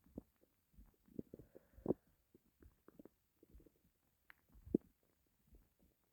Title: my starving stomach growls